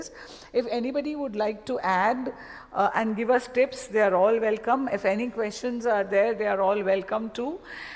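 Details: Adult woman speaking; normal voice.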